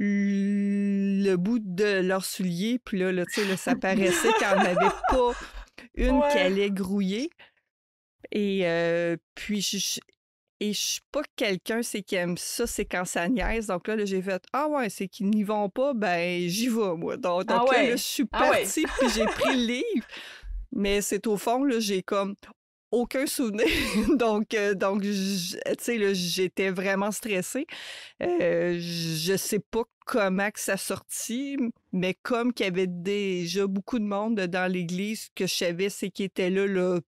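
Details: Adult woman who stutters, a mother of two adolescents; stuttering.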